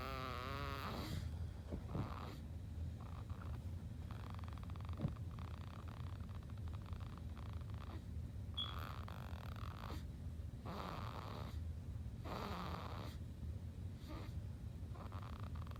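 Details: Baby snoring after falling asleep from a bottle: low, rumbling breaths rising and falling steadily, about seven breaths in fifteen seconds, under continuous background hum.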